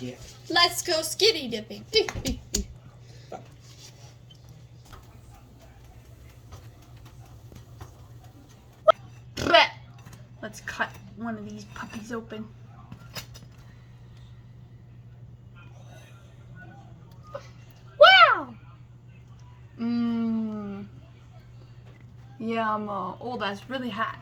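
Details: Vocal tics from Tourette syndrome in an adult woman, heard as interjected tic words and phrases.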